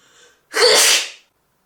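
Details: Sneeze from an adult woman, recorded with permission as a sample clip: a faint breath in, then one loud, explosive, hissing sneeze about two-thirds of a second long.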